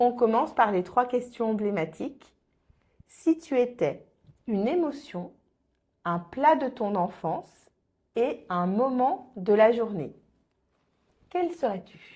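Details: Adult woman; typical speech.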